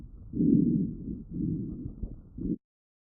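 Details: Child's lung auscultation with StethoMe electronic stethoscope, AI-classified: low, musical whistling over the breaths, wheezes, continuous tonal sounds of airway obstruction, characteristic of asthma.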